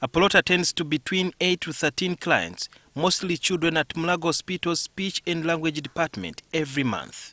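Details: Adult male speaker; ordinary speech.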